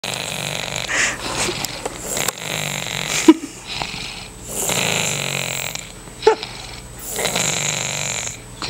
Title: Snoring :9( Stuffy nose